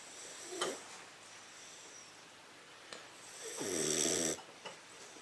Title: Crush English Mastiff 15 Weeks Snoring